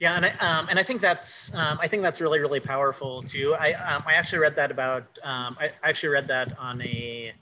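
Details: Adult man who says he has cluttering, speaking in conversation with fast speech, repetitions and fillers; cluttering.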